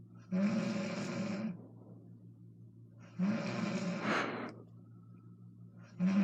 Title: My moms snoring